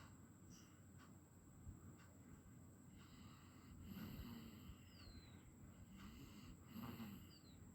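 Irregular low snorting, snoring breaths with faint whistling squeaks; ordinary snoring.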